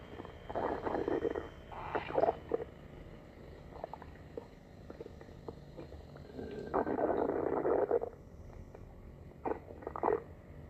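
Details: Borborygmi.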